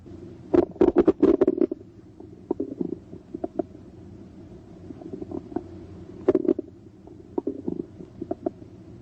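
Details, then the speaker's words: Stethoscope diaphragm placed gently on the abdomen's right lower quadrant, listening to pitch, quality and frequency: irregular gurgles and clicks, normal bowel sounds. "listen for vowel sounds by placing the diaphragm of the stethoscope gently on the right lower quadrant listen to their pitch quality and frequency"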